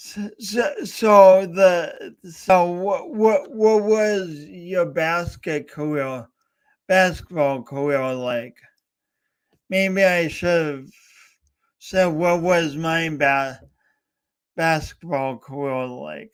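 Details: Adult host with a speech impediment, coached for years, talking live for three hours as a personal challenge. Finding: speech impediment.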